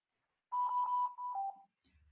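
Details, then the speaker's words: Mechanical ventilation teaching class: with the simulator's respiratory rate set at 14 against a high-rate limit of 15, repeated high electronic beeps drop to a lower tone as the alarm keeps flagging low minute volume; low minute volume alarm. "sigue prendida la alarma y sigue marcando porque me sigue marcando volumen minuto bajo"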